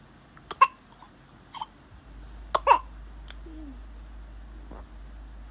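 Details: A few short, soft coughs from a sleeping baby, with a small whimper afterward, in a quiet room; infant cough during sleep.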